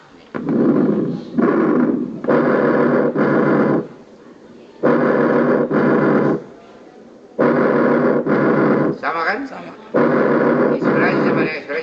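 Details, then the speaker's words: Simulated bronchial breath sounds on a lung sound simulator in a lung pathology skills lab; loud, harsh, hollow breathing, louder than vesicular, with inspiration and expiration about equal in length. "Kemudian kita dengarkan pernapasan bronkial."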